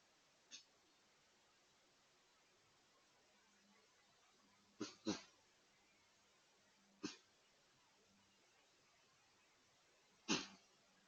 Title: Whitetail With a Sneeze Attack